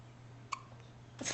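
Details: Newborn baby boy with hiccups, recorded July 2009 on a Flip Video camcorder: a single short, sharp hiccup in a quiet room, followed by a brief breathy sound.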